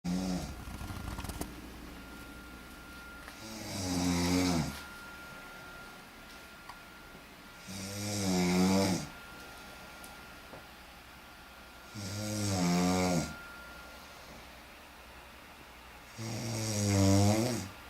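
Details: Snoring: four loud, rattling snores on the in-breaths, about 14 a minute, with quiet pauses between them in a small room.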